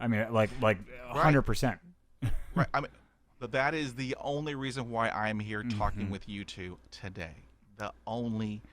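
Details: Adult man who has stuttered since childhood, describing about 80% fluency with blocks and repetitions after 20 years of speech therapy; stuttering.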